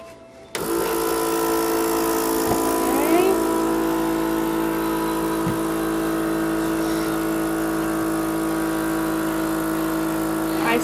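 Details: Suction machine switching on and running with a steady motor drone, with faint brief gurgles, during routine suctioning through a child's 3.5 tracheostomy before a scheduled trach change; the catheter is kept at the 10 mark.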